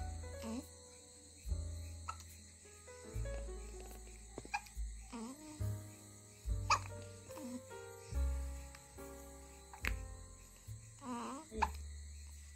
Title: Hiccups of samall baby | Baby movement | #hiccups #hichki #cutebaby #baby #PratiVeda